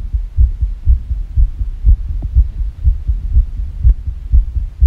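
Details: Rapid, low heartbeat thumps at about 120 a minute with uneven spacing, labelled as a sick heartbeat: fast irregular heartbeat.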